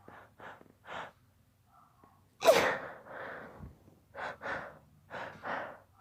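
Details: Several short breathy inhalations, then a sharp stifled burst with a gasping release and more quick catching breaths: held-back sneezes.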